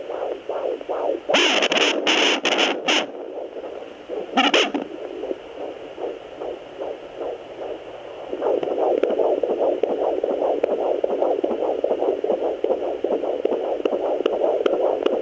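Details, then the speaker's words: Fast rhythmic whooshing pulses about 150 a minute over static and probe noise, on a home Doppler at 17 weeks of an IVF twin pregnancy (boy and girl); fetal heartbeat. "so I need to start when I'm doing the Doppler looking in more places than just down by my pelvic bone so um I will insert a clip here of that"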